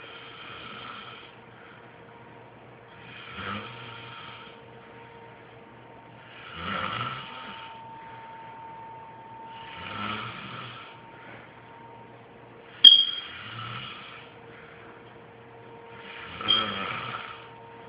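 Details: Child (nephew) snoring while asleep, recorded unaware: soft, regular snores about every three seconds, around 18 a minute, over a steady background hum.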